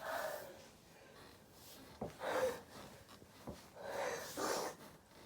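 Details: Two short, forceful nasal bursts with sharp onsets, heard as sneezes, in a quiet room.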